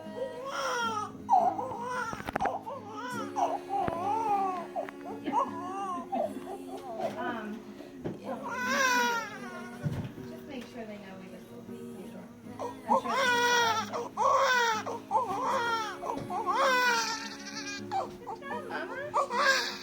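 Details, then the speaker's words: Strong, rhythmic, vigorous first cry of a newborn girl just after delivery at 40 weeks 3 days, past her due date; background music and room noise; a normal, healthy-sounding cry. "she's not happy to be out oh I love it I like that cry sounds nice and beautiful and she's not mad"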